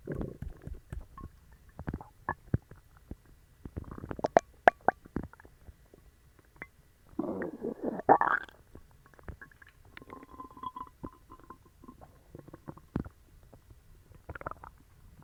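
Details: Stomach growling (borborygmi) in a person with a bellyache and loose bowels after eating dog treats: scattered pops, gurgles and bubbling rumbles, active bowel sounds.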